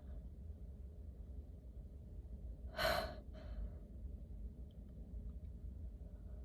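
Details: Forceful uncovered sneeze with a short follow-on sound during a cold, runny nose, sneezer alone and doubled over in a parked car; low car-interior rumble.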